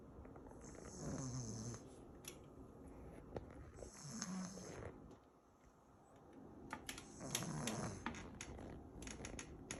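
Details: Soft, rumbling snorts from a sleeping pug, three snoring breaths with background rustling; ordinary snoring in a flat-faced breed.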